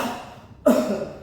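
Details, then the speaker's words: Simulated choking management in nursing training: standing adult man with partial airway obstruction, told to cough repeatedly, gives a single forceful cough after a brief pause; object (meatball) later expelled. "Bapak batukan. Batuk, Pak. Batuk, Pak. Iya, Pak. Batuk lagi 5 kali, Pak."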